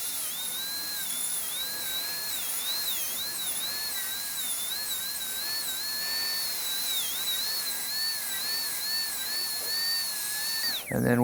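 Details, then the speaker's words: Dental high-speed drill with a round-ended torpedo diamond bur refining the facial aspect of an all-ceramic crown preparation (rounded shoulder) on tooth #9: steady high-pitched whine with small wavering pitch changes as the bur cuts. "it's round on the end it is not pointed it's not a chamfer diamond and we're going to refine our facial aspect here a bit now"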